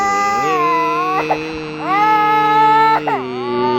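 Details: Sustained, tuneful wailing cries with brief catches between them from a baby who has just woken up; ordinary infant crying.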